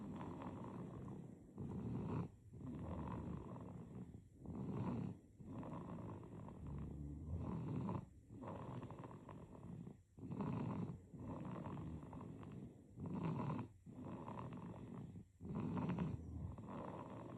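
Quiet, rattly snore repeating with each breath, about 20 a minute, in a regular pattern; a sleeping infant snoring.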